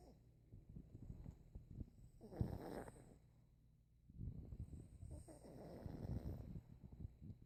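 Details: Sleeping pet dog: two low, rumbling snoring breaths with soft snuffling between them; snoring.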